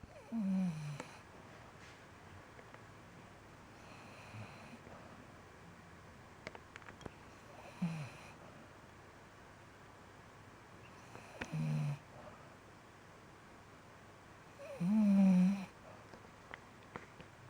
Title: snoring Aug 2015